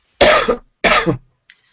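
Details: Two harsh, loud cough bursts about half a second apart from an adult with a cold and croaky voice, then quiet.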